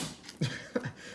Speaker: sound is my dog sneezing in that carpet